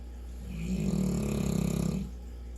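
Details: St. Bernard dog wearing a cone after a vet visit, asleep: a single fluttering, rattling snore lasting over a second against a low steady hum; snoring.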